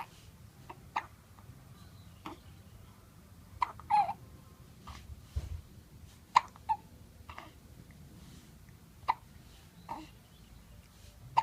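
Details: Hiccups: short, sharp hiccup sounds recur irregularly, about 20 a minute, in a quiet room.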